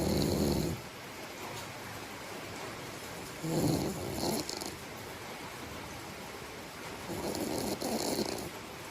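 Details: Loud, rough snores on each breath in, about 17 a minute, with quiet breathing between them; ordinary sleep snoring.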